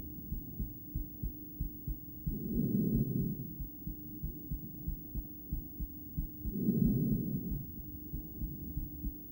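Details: Female heart by stethoscope, poorly placed, during breathplay: muffled heartbeats under loud, slow breathing, beats coupled in pairs at times; bigeminal rhythm occurring several times, one long pause reported.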